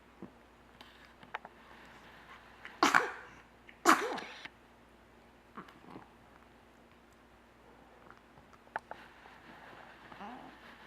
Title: DSC0332 Two sneezes